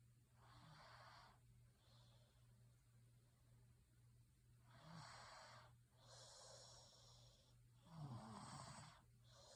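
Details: Repeated noisy breaths in sleep, some with a low fluttering rattle on inhalation, over a steady low hum; snoring.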